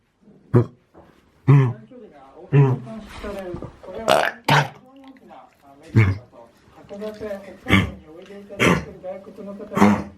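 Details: An 8-month-old male Labrador that caught kennel cough at a park gives repeated harsh, honking coughs with hoarse, goose-like breaths between them.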